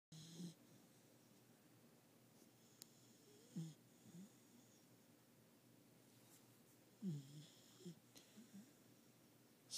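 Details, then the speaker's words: Sleeping female puppy after a long day of playing: soft, low snuffling snores with faint whistly breath noise recurring irregularly in a quiet room; ordinary sleep snoring. "our little girl. Just kind of passed out here. You can kind of hear her snoring away."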